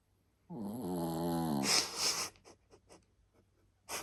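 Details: A sleeping Shih Tzu dog gives a single loud, drawn-out snore with a whistling, voiced quality, followed by faint snuffling breaths, while the family laughs: dog snoring.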